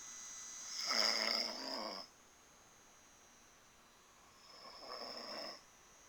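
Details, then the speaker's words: A man caught snoring while asleep, filmed as someone tries to wake him: two loud, rattling snores on inhalation, separated by quiet pauses, against faint room hum. "listen to this who's this who is this snoring right now I'm taping a video right now"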